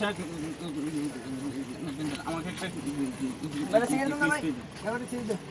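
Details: Young man acting a stammer for a comedy skit; he does not actually stutter. Stuttering (acted).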